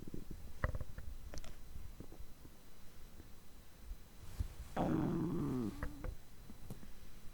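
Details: Digestive sounds recorded on a day of overeating; the stomach groans like this for over three hours: scattered low gurgles and clicks, then a drawn-out rumbling groan. Stomach growling (borborygmi).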